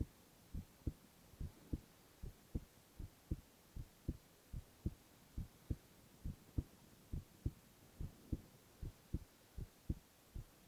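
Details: Male ASMR recording of heart sounds alone, without speech: steady paired lub-dub beats at about 70 a minute against soft background hiss, regular rhythm; normal heart sounds.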